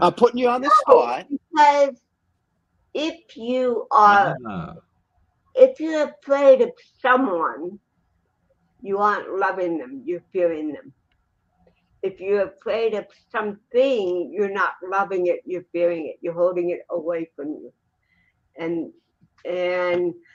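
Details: Adult woman, actress and comedian, born with cerebral palsy in 1956: dysarthria (cerebral palsy).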